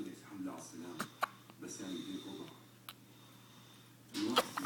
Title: Funniest baby hiccups